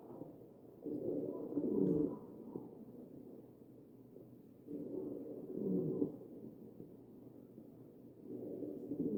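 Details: Ventilator breaths about 16 a minute, each with low musical wheezes, over the chest of a real ventilated patient; wheezing from narrowed airways.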